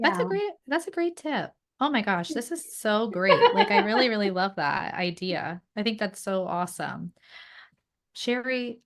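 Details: Adult woman; normal speech.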